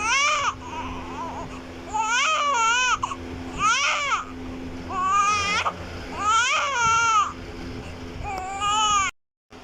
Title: Crying newborn Baby Child Sound Effect 2024Crying newborn Baby Child Sound Effect 2024